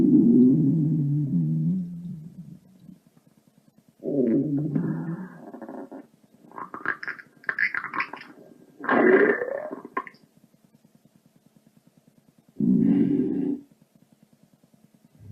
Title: minimal stomach growl 9